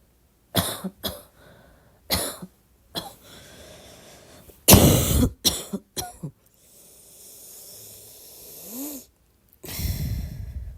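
About eight short coughs, mostly soft and dry, in scattered bursts with quiet breathing between.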